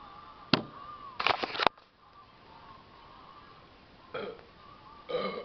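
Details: Several short burps, one single and then a quick rattling run, over quiet room noise; ordinary belching.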